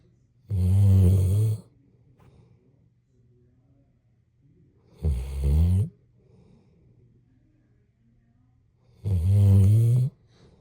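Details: Snoring: three loud, deep, buzzing snores about four seconds apart, roughly 14 a minute, with quiet breathing between.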